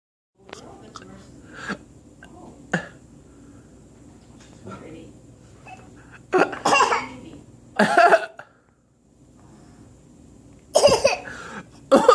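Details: Son, sick for three days, coughing: several separate loud coughs over about twelve seconds, with faint sounds and room noise between them.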